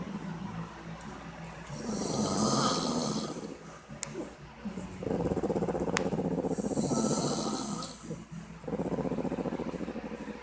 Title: |My dads snoring| ps: he asked me to do this once he falls asleep